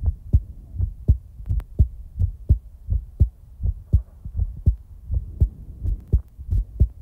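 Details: Real-time heartbeat recording: steady low thumping in paired beats at about 85 beats a minute with no extra sounds; a normal heart rhythm.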